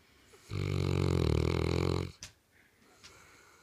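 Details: St. Bernard dog sleeping on a couch: one loud, low, rattling snore lasting about 1.5 seconds, then quiet breathing; snoring.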